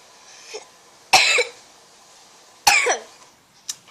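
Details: Child coughing: two sharp, dry coughs about a second and a half apart, then a faint short cough, in a quiet room.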